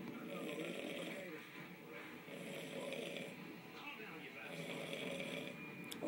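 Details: An uncle sleeping and snoring loudly and roughly, in bursts about every two seconds, with faint room noise: habitual snoring.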